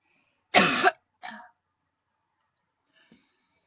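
One strong harsh cough followed by a weaker second cough, then quiet. A tickly throat cough.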